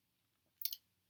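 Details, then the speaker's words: Adult-onset Tourette syndrome, clicking vocal tic: a single sharp, hissy click-like burst lasting a fraction of a second, which can sound like a sneeze or a click. "I have some clicking ones that makes me sound sometimes like I'm sneezing and sometimes just it sounds like a click"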